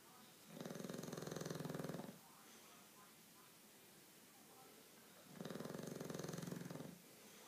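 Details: Two long, loud, fluttering snores with quiet gaps between them from a sleeping 7-month-old bulldog; heavy snoring.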